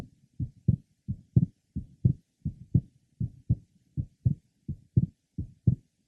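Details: 21-year-old man, third left sternal border: innocent grade 2 systolic murmur with normally split second heart sound.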